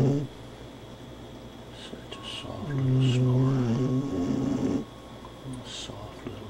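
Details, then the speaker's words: Female dog sleeping and snoring softly: a soft, low, buzzing snore with a gentle drawn-out breath. "It's so easy to sleep around these dogs. They just lull you to sleep with that snore."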